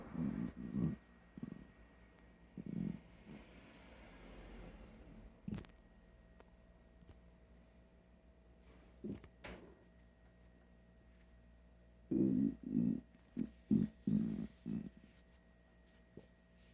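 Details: Stomach growling (borborygmi) from an empty, hungry stomach: irregular low gurgling rumbles in bursts separated by quiet stretches; normal hunger sound.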